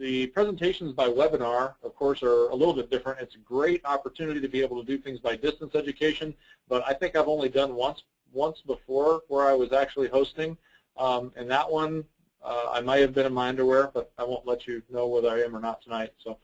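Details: Adult male speaker; normal speech.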